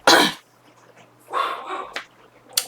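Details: Adult woman with persistent dry cough for days, improving but still coughing while talking, pain from coughing: a few short, harsh, dry cough bursts, no wet or rattling sound; dry cough.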